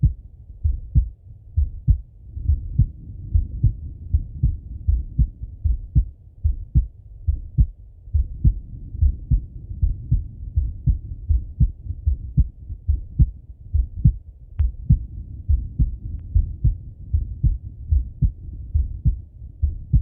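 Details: Adult male heartbeat and breathing via stethoscope auscultation: steady low thumping heartbeat at about 71 per minute with soft breathing underneath; normal heart sounds.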